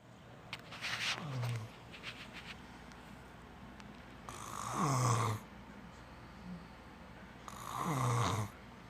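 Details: Three loud, noisy snoring breaths about four seconds apart, each ending in a falling, whistling groan against quiet room noise; animal snoring.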